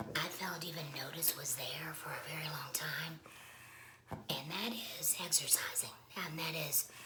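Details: Woman speaking after laryngectomy; esophageal speech is mentioned but her voicing method is not stated; alaryngeal speech after laryngectomy.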